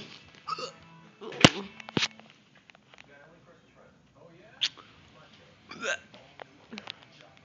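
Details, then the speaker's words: Person recording their own hiccups while another person finds them funny: several short abrupt catches among voices and background music, with laughter-like sounds between. "I'm gonna record my hiccups."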